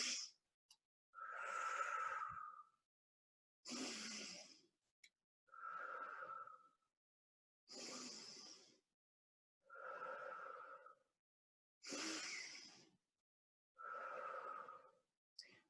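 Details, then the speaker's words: Four slow, deep, audible breaths in and out, demonstrated by a respiratory physiotherapist: lateral costal breathing done before huffing for airway clearance. "you will start with your with four deep breaths so your normal deep breaths like you did either diaphragmatic or lateral costal so I'm going to do lateral costal breathing so I'll go"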